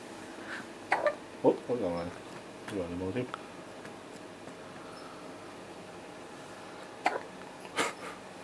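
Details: Hiccups.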